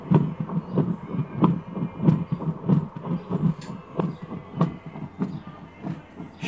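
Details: Fetal Doppler under repair, probe placed over a volunteer's heart to test it: rhythmic whooshing pulses at about 95 a minute, a clear heartbeat signal from a working device.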